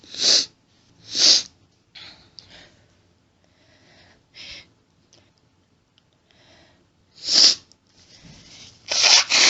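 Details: Female, end of allergic sneezing fit: repeated wet sniffs, snorts and forceful nose blowing with small hitching breaths, no full sneezes; sniffling and nose blowing.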